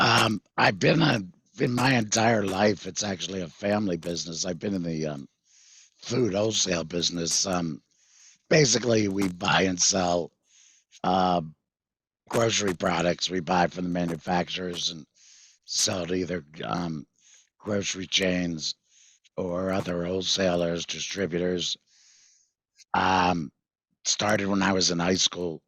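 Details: 66-year-old male with total laryngectomy in February 2019 for vocal cord cancer after months of hoarseness; voice prosthesis fitted September 2019, electrolarynx used before that; tracheoesophageal speech (voice prosthesis) after total laryngectomy.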